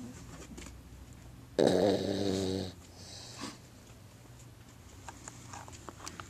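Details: Dog asleep at home: a single rumbling snore of about one second, then quiet breathing with faint room noise; snoring during sleep.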